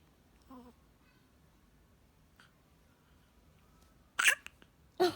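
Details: Hiccups in a female, her body visibly jiggling with each one; a few short, sharp, abrupt bursts with faint softer ones between, in a quiet room; hiccups.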